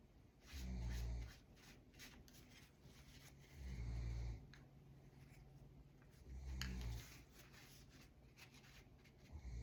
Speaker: I don't know if you can hear that snoring that's my dog